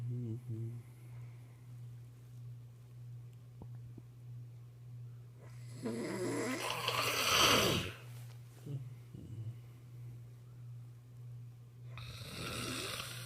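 Steady low hum with two loud rattling snoring bursts, one long and harsh, over a constant background drone.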